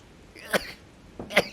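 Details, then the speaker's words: A male Twitch streamer who says he has allergies gives two quick, stifled sneezes in rapid succession, mid-game while streaming. "Sorry for sneezing. My allergies over your emotional message."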